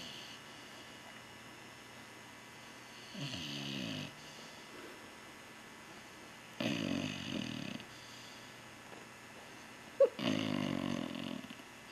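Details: Dog settled on a couch: three long, rattling snores on the in-breath, about every three and a half seconds, in a quiet room; snoring.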